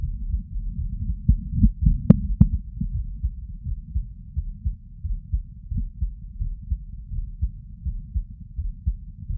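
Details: Heart sounds of a person sitting, through a stethoscope: muffled, steady low thumps with a couple of sharp contact scratches; normal heart sounds.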